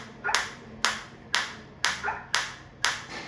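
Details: A focused shockwave applicator held on the operator's own hand and wrist, with intensity raised step by step from minimum and the sound changing: sharp, regular snapping pulses about two per second.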